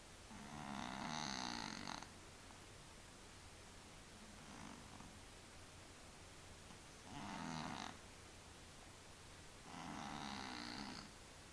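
Soft, fluttering snores on regular breaths, about four in eleven seconds, from a sleeping cat; snoring.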